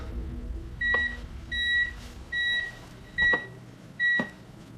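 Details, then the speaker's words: Five evenly spaced high electronic beeps over a low room hum: ECG monitor alarm sound effect as CPR begins in a dramatized emergency room scene of a Korean audio story, not a real patient. "심폐소생술 시작합니다. 10발의 심전도 경보음이 응급실을 가득 채웠습니다."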